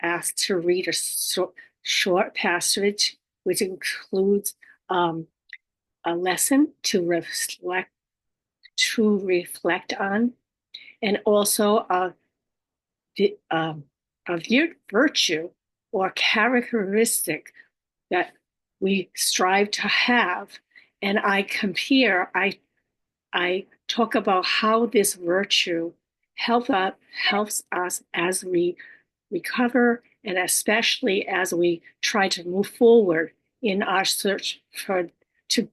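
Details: Woman stroke survivor living with aphasia, apraxia of speech and dysarthria; aphasia with apraxia of speech.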